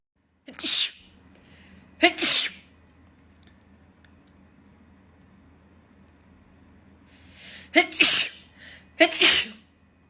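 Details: Four sharp explosive sneezes in quick succession with quiet gaps, provoked by a Covid nasal swab test.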